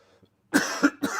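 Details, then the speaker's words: Adult man on a live show, throat already bothering him, gives three quick, harsh, somewhat throaty coughs in a row; cough. "this is not going to be good uh please consider doing twenty dollars so we don't have to go forever"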